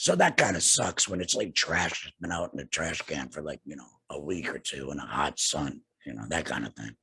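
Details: Adult man two years after total laryngectomy for cancer with radiation and chemotherapy, breathing through a neck stoma and speaking with a tracheoesophageal puncture voice prosthesis and an HME: tracheoesophageal speech.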